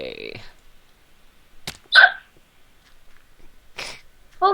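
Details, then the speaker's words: Sharp, brief involuntary vocal jerks about two seconds apart in a quiet room: hiccups, during a gaming session. "okay how long are this going to last level 20 hiccups who's Annie oh I don't know the server sucks like they yell a lot and swear a lot"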